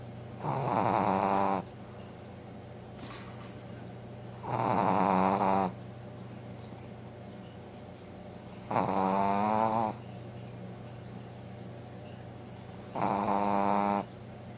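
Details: Sleeping female Brussels Griffon dog snoring: four regular loud snores, about 15 a minute, each a rough buzzing breath over a steady background hum.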